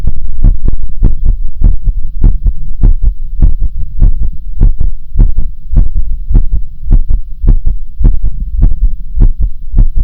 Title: Differents heartbeat sounds/différents sons de coeur 🫶🏻